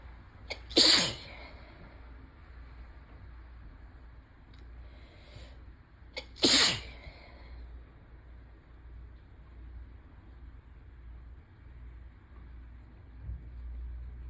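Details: Two sharp, forceful allergic sneezes about six seconds apart, each preceded by a quick inhale, over steady background rain; ragweed season, nose suddenly very sensitive after itching and teasing.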